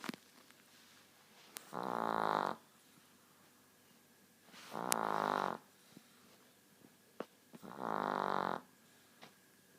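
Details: 9-year-old Chihuahua with a short snout/nose who snores constantly; regular buzzing snores about every three seconds (~20/min) while asleep, faint clicks between breaths; snoring.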